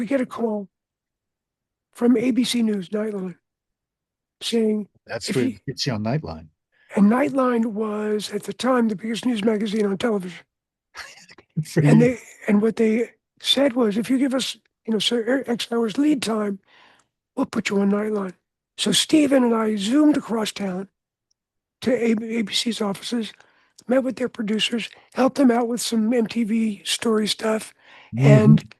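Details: Adult man whose voice was altered by throat cancer treated with surgery, radiation and two years of experimental chemotherapy, with no recurrence since; voice change after throat cancer treatment.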